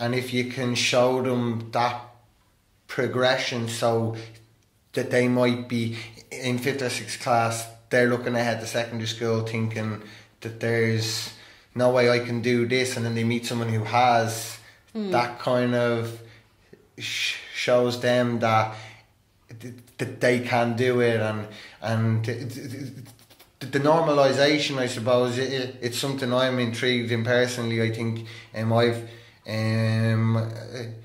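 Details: Adult man who stammers and attends stammering therapy; stuttering.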